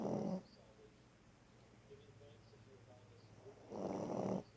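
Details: Sleeping dog snoring: two soft, low snoring breaths a few seconds apart with quiet breathing between.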